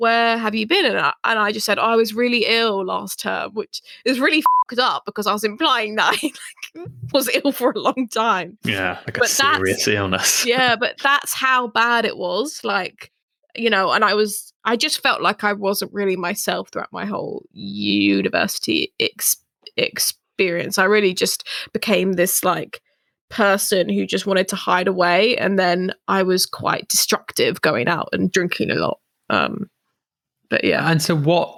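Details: Adult female who stammers; stammering.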